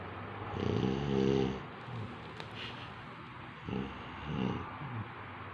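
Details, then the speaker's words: Elderly Taiwanese grandmother asleep before dinner gives two loud, buzzing, rattly snores on the in-breaths, separated by quieter breathing, in a small quiet room: ordinary snoring. "Nenek Taiwan ngorok, Guys, tidurnya."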